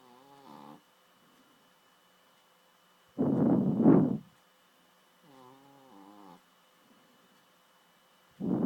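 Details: Adopted female dog snoring loudly enough to keep owner awake while sleeping: alternating whistling tonal breaths and louder rough snores over faint electrical hum; snoring.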